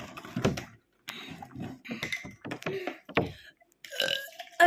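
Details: Voluntary burping during a burping competition after drinking apple juice: several loud, low, drawn-out belches with brief pauses between them.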